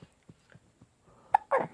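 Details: Two-month-old baby with hiccups: small rhythmic catches about every quarter second, followed by a brief vocal sound.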